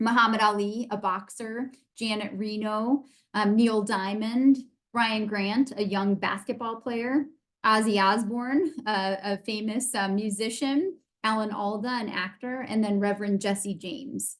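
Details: Adult woman speaking; normal speech.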